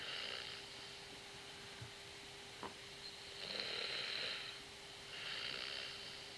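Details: Snoring during the night, with both inhalation and exhalation loud: soft, airy breathing noises every couple of seconds over a steady room hum.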